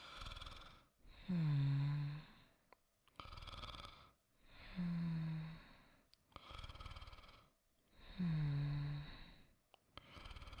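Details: Simulated snoring performed by a voice actor in a sleep roleplay: soft and regular at about 17 breaths a minute, a low rattling snore on each inhale and a quiet breathy exhale.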